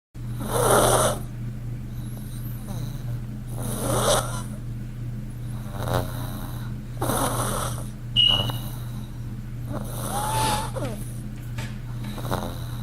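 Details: Pug snoring: rattling snorts roughly every three seconds, about 19 a minute, over a steady low hum.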